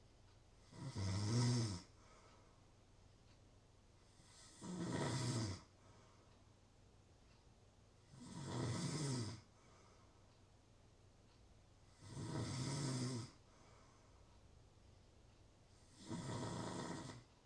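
Five loud, rough snores in a steady rhythm, about 16 a minute, with quiet breathing between them; ordinary snoring.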